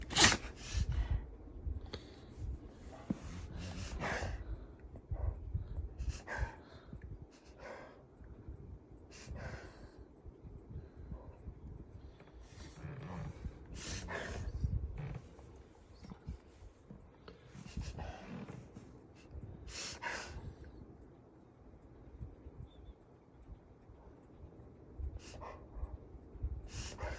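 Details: Black Labrador (female) reverse sneezing: repeated loud snorting, gasping inward breaths in a prolonged run, her longest episode ever.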